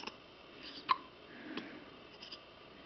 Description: It is the cutest thing when has the hiccups!